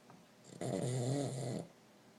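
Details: A pug napping gives a single loud, rattling snore on an in-breath lasting about one second; snoring.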